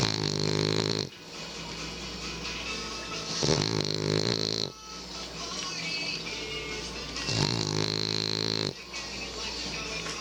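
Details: A sleeping French bulldog snoring so loudly at night its owner couldn't sleep: loud raspy snoring, about three long breaths, over background TV audio.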